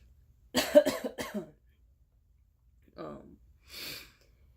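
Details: Adult man sick with fevers, ear pain, scratchy throat, spitting up blood, suspecting an infection, on medicine: short burst of about three harsh coughs, then a softer throat sound and breath; cough.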